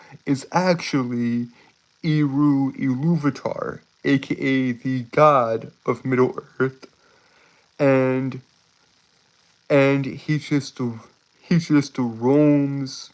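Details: Male streamer with a self-reported speech impediment that makes him stutter and trip over his words; stuttering.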